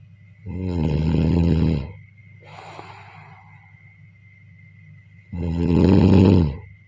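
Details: Deep, vibrating snores alternating with a softer breathy out-breath during sleep, with a faint steady whine in the background: snoring.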